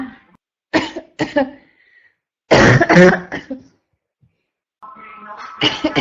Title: constant barking cough 1 (f)